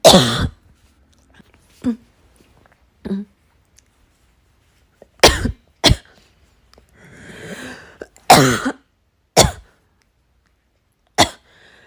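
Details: About seven sharp dry coughs in quick succession, some held back and muffled, in a quiet hospital waiting room; a persistent coughing fit that started while trying to suppress it, with cough-variant asthma tagged.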